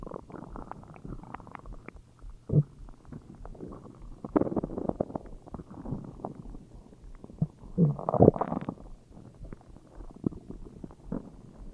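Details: Stomach growling (borborygmi): irregular low gurgles and rumbles with occasional louder bursts of bowel sounds.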